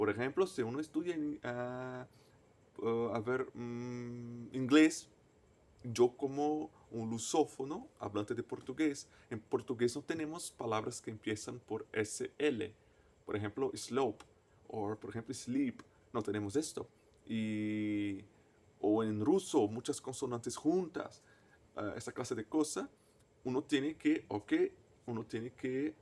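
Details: Adult male native Portuguese speaker who stutters, speaking Spanish as a foreign language; stuttering.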